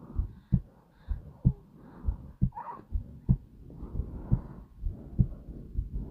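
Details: Slow, calm heartbeat: soft, deep paired thumps repeating steadily at roughly 60 beats a minute, with a faint hum behind.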